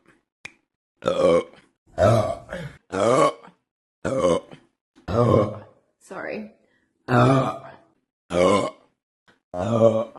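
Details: About nine loud, deep, croaky voiced burps in a row, roughly one a second, with short gaps between and apologies around them; repeated burping.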